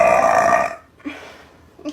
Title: Girl burping #burp #burping